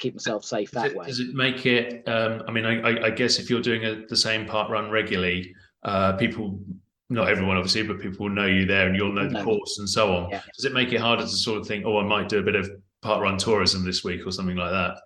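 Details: Adult male speaker; normal speech.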